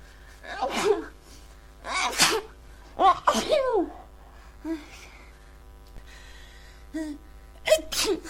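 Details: Person with a congested cold sneezing.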